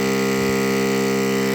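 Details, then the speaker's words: Oxygen concentrator just switched on after a major repair (power supply reinstalled): steady mechanical hum with constant tone, output airflow felt; running normally. "it definitely works. It definitely works. This is the output."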